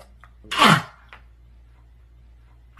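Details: Single loud, explosive burst of air with a sharp onset in a quiet room, from a meme; sneeze.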